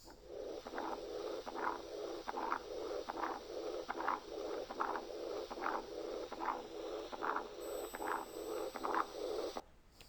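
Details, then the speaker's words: Teaching recording of combined aortic stenosis and aortic regurgitation: rhythmic heart sounds with murmurs in both systole and diastole, nearly continuous but separated by a small gap, not a true continuous murmur. "ايه اكتر حاجه ممكن تعمل حاجه زي دي؟ combined valvular lesions. هنضرب مثال مثلا لواحد فيهم. ده مثال لاورتيك ريجيرج واورتيك ستينوزيس."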